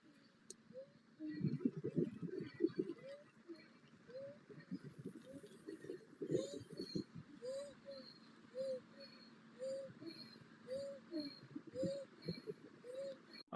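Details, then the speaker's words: Female athlete standing still, with symptoms when running and a dysfunctional breathing pattern (chest and stomach moving together, neck forward), difficulty getting breath in: rapid breathing with short high-pitched musical wheeze on each inspiration; inspiratory wheeze. "so you can hear that she's got a wheeze when she breathes in"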